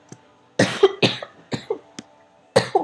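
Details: Four or five short, harsh coughs in quick succession, a brief coughing fit in a quiet room; cough.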